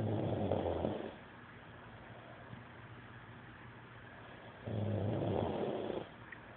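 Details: Snoring in a man uploaded from an Android phone: low, rattling snores with quiet gaps between breaths, about 3.5 seconds apart.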